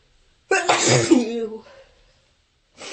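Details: A single loud, harsh voiced sneeze with a sharp burst and trailing exhale, one of a run of forceful sneezes during bronchitis.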